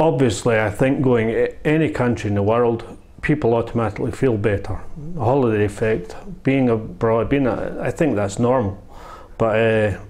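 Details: Adult man with spinocerebellar ataxia type 1 (SCA1) whose slurred speech improved after stem cell therapy but began slurring again after about 10 months, recorded during a second treatment round: ataxic dysarthria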